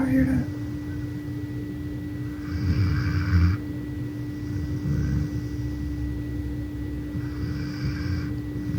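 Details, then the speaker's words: A person asleep at home: low rumbling snores recur about every two seconds under a steady hum of room noise; ordinary snoring. "But, like, when we come home, please tell me y'all hear snore."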